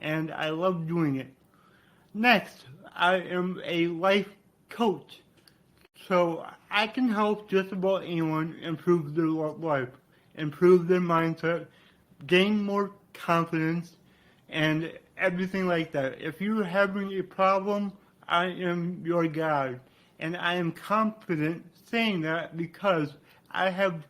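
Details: Dysarthria from cerebral palsy in a male speaker; the brain damage followed being born without a heartbeat or breathing and then revived.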